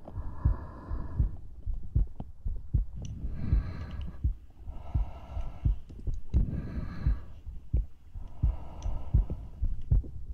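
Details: ASMR recording with breathing and mouth sounds: low thumping heartbeat, roughly 85 a minute, heard close up under slow breathing sounds.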